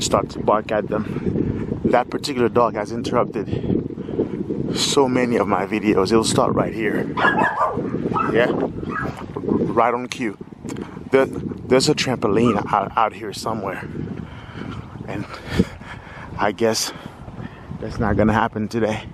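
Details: Stuttering in a 46-year-old man who says he has stuttered all his life.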